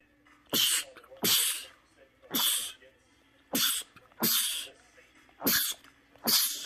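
Seven sharp, hissing sneezes in quick succession over under seven seconds, each with a short gasp between; a rapid sneezing fit.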